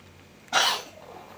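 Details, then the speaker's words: Cat coughing a little; a single short, harsh cough against quiet room noise. "вот котика он немножко кашляет"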